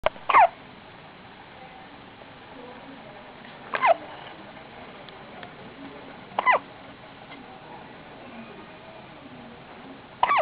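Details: Hiccups in a male ("he") who had just stopped crying: four short, sharp hiccups about every three seconds over a quiet, noisy background.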